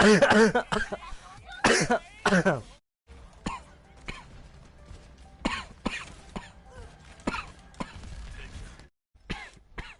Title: hard coughing